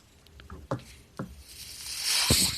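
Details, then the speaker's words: Several soft clicks, then a swelling hiss of airflow: the host's own mechanical ventilator cycling a breath during a podcast recording. "That noise you're hearing is my ventilator."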